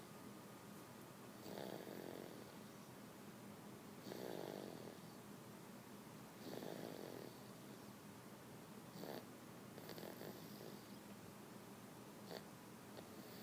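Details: Snoring: soft, rhythmic snoring at about 25 breaths a minute, each a brief rumbling rasp over a steady background hiss.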